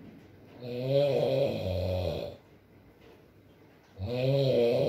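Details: ASMR recording of a sleeping man (boyfriend) snoring: two long, rattling snores on inhalation separated by a quiet exhale, with faint background rain; ordinary snoring.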